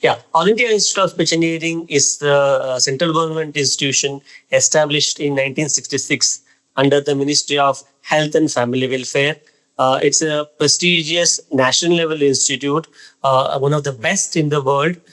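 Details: Adult man speaking; typical speech.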